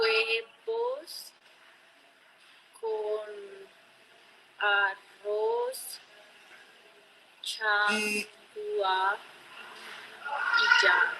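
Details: Ataxic dysarthria (cerebellar speech disorder) in a female patient, shown as a teaching example.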